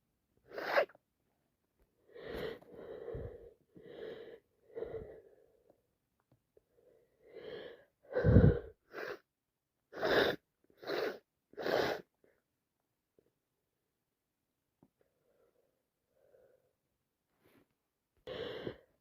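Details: Repeated sneezing during a heavy head cold: a run of about ten wet sneezes with gasping wind-ups, a pause, then another sneeze.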